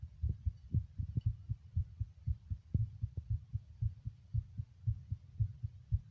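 Steady low thumping heartbeat, roughly 115 beats a minute, with faint rustling in the background; a fast heart rate in an adult.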